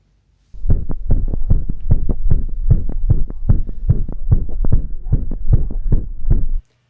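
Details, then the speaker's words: Younger Chihuahua with advanced mitral valve disease and enlarged heart chambers: fast, clustered heart thumps over a steady whooshing murmur, with an extra sound giving a gallop rhythm. "You can see the chambers of his heart are much larger than they should be, giving him a unique murmur with a gallop sound that you can hear here."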